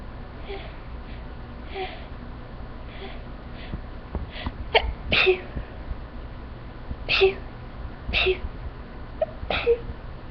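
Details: Sneezing fit after exposure to flowers, end of the fit: several short, sharp bursts of breath in quick succession, mostly in pairs; a run of small sneezes.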